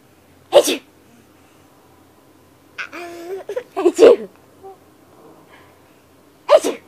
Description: Cute baby laughs hysterically at sneeze.